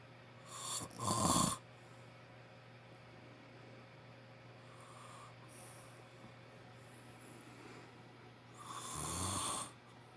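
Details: A father snoring loudly in sleep: two loud harsh snores roughly eight seconds apart with a long quiet stretch between, over a steady background hum.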